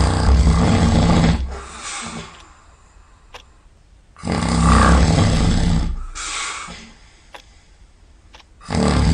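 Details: Molly, asleep outdoors and covered in grass, snores loudly with rough, low, long rattling breaths in and shorter breaths out, about 14 breaths a minute: snoring.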